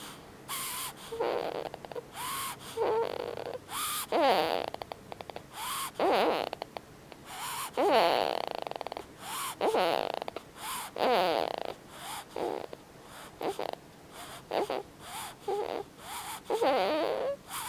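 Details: Snoring: loud, rattling snores with snorting breaths, irregular, about 30 a minute.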